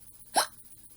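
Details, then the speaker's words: Hiccups after eating too much macaroni, which the person says often gives them hiccups and that the hiccups hurt: a single sharp, sudden, brief and strong voiced hiccup. "Anyways, I got the hiccups. So, yeah. Just to let you know I got them."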